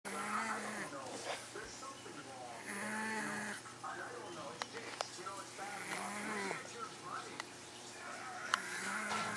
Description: this is my mums old cat luie.who sleeps and snores all the time.